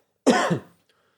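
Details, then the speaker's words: Cough heard during a podcast recording, left in the audio. "speaking of that coughing you hear that cough i left that in there"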